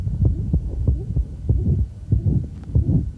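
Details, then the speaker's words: Hypertrophic cardiomyopathy: a faint mid-systolic murmur, only a hint present, that comes on strong when the patient stands. "so in here we've got mid systolic murmur that's generally stand you leave it in the legs just the hint of the murmur it's present there"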